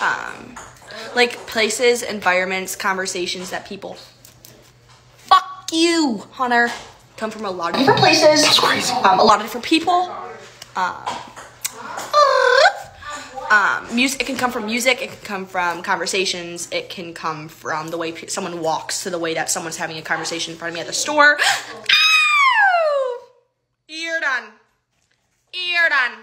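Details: Vocal tics with coprolalia in a young woman with severe Tourette syndrome, with speech interrupted by repeated tic phrases; focusing on something reduces her tics.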